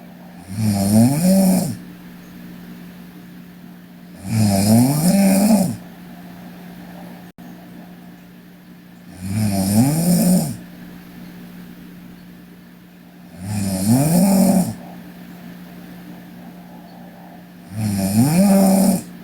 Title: Sleeping Korean Girl Snoring (PNGK) Part 1